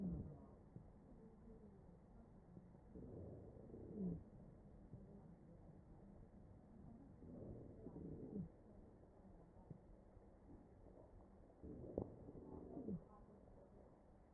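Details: Wheezing in a mechanically ventilated patient, recorded over the chest.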